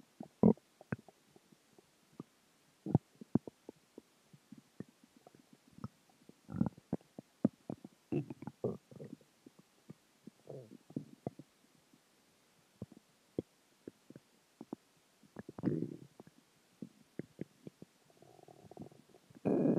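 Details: Stomach growling after dinner, water and gas: quiet scattered gurgles, pops and short rumbles with irregular pauses; borborygmi.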